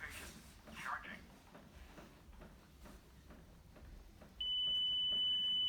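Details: Quiet room noise, then a steady high-pitched tone starts and holds as a defibrillator charges after a 2-minute rhythm check, in a simulated advanced life support demonstration on a collapsed, unresponsive, pale patient; defibrillator charging.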